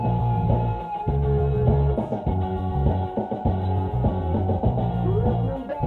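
Rock music with guitar and drums sounds dull and muffled, cymbals and crisp highs gone, simulating high-frequency hearing loss.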